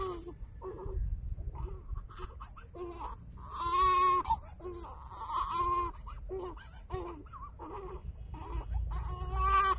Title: My Baby Brother crying